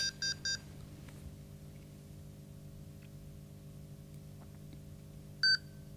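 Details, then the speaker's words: Vetronic SAV04 small-animal ventilator (for animals up to 12 kg) being switched on: three quick high beeps, a quiet pause with low steady hum, then one longer beep at power-on. "so let's see how we actually use the sav04 in practice so simply turn it on"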